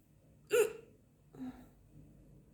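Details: Woman with hiccups after lunch: two abrupt, sharp catches of breath about a second apart, each a brief voiced 'hic'.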